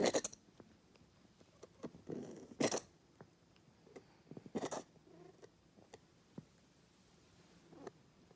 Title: Oreo coughing 2/25/2021